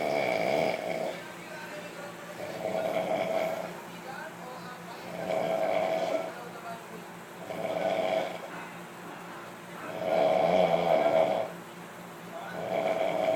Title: Snore can help me sleep well..